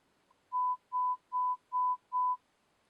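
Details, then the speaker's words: Pure-tone audiometry beeps during a hearing checkup: five evenly spaced steady mid-pitched beeps in near silence, heard through an insert earphone; the patient raises her hand whenever she hears a beep, even barely; audiology demonstration. "it allows her to hear some beeps as you can see neil already has her insert in any time nailing hears the beeps even if just barely she will raise her hand"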